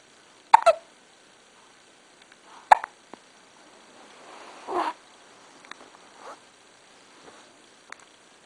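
Sharp, brief gulping hiccups repeating at irregular intervals in a quiet room.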